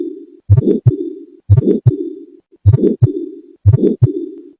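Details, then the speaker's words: Recorded heart sound of a heart patient on hypertension tablets for 10 years and diabetes medicines for 20 years: heartbeat about 60 a minute with a steady humming murmur filling the gaps between beats. "जो आवाज सुन रहे थे कि दिल की आवाज take heart patient की दिल की आवाज"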